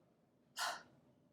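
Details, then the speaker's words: Huff (forced expiration technique) for airway clearance: after a medium breath in, a single short, breathy, voiceless burst through an O-shaped mouth with the throat open, driven by the stomach muscles. "get you to do one half so take a medium breath in make an O shape with your mouth keep the back of your throat open relax your upper chest and shoulders and just use your stomach muscles to push the area"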